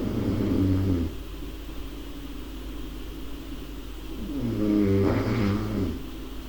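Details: Snoring: two loud, low, rattling snores, each about a second long, with quieter breathing between them.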